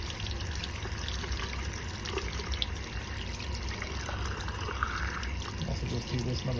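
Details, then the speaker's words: Hot water flushed through a Bard button gastrostomy tube after feeding a child who cannot eat by mouth and has epilepsy: soft trickling and gurgling of water over room noise. "all right set out with hot water generally speaking the water's supposed to go through it there we"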